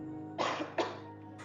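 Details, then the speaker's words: Demonstration of coughing in an educational video on cough and sneeze etiquette by medical students: two short cough bursts over steady background music. "Nah, berdasarkan video tadi, kita mengetahui bahwa ketika kita batuk, kita harus menutup mulut agar virusnya tidak menular."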